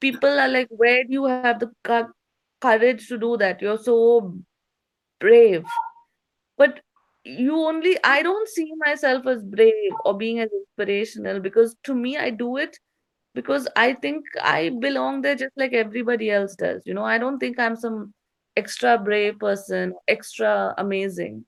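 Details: Adult woman, a stand-up comedian with a self-described stutter since growing up, reportedly stuttering more on stage than in conversation, performing on stage; stuttering.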